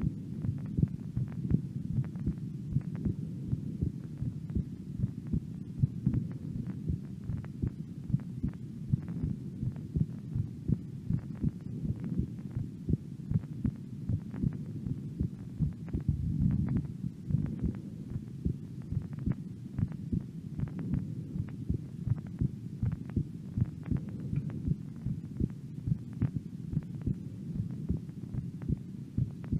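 Steady, regular low thumps of a resting heartbeat, with a soft continuous hum behind them.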